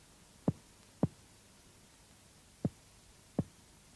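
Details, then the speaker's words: Comparative chest percussion over symmetrical lung areas of a healthy person: four short, hollow, clearly ringing taps, an equal clear resonant lung note on both sides. "у здорового человека над симметричными участками лёгких выявляется одинаковый Ясный лёгочный звук"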